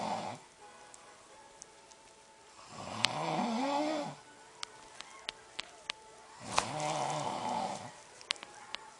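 Two long, rough, droning snores on breathing in, over television sound with clicks and voices: loud snoring.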